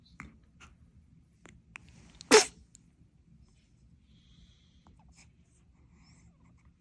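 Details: Newborn boy, awake and about to be rocked to sleep: a single small, sharp infant sneeze amid soft breathing and quiet room sounds.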